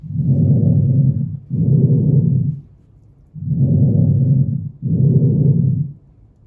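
Soft, low rushing breath sounds in steady in-out cycles, about 19 a minute, heard over the back; normal breath sounds.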